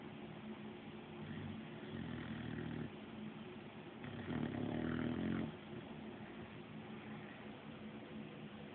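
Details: One-year-old female Olde English Bulldogge, who seems congested, snoring in her sleep: two long, vibrating snores on slow breaths over steady low room noise. Ordinary dog snoring.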